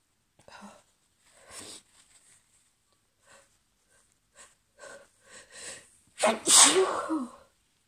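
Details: Female allergy sneezes, about 5 minutes after an earlier sneezing fit: soft sharp inhalations building to a loud explosive sneeze at the end.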